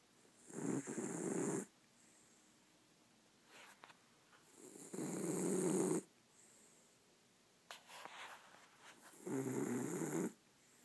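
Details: Exhausted dog sleeping and snoring: rhythmic rasping snores at about 14 breaths a minute, with quiet pauses between each noisy breath.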